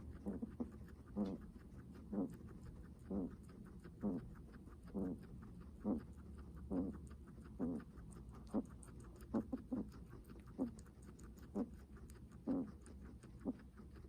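Rhythmic, audible breaths with soft puffing sounds, about 65 a minute, over a low hum; laboured breathing in a guinea pig.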